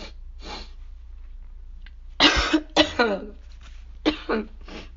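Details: An adult sick with a cold and losing their voice, while trying to provoke sneezing: a quiet breath, then a fit of three or four harsh, wet coughs, then two more coughs.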